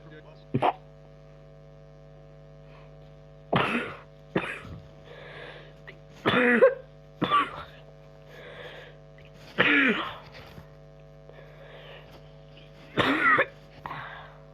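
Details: Person who says they are sick, coughing while playing Minecraft: several short dry coughs and throat clearing between quiet speech over a steady mains hum; cough.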